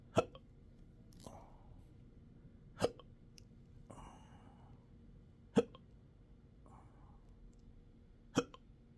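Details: Intractable hiccups with choking spasms and belching since December 2015, occurring in 12-hour episodes now seven days a week: sharp, sudden hiccups about four times in nine seconds with soft breathy noises between; persistent hiccups.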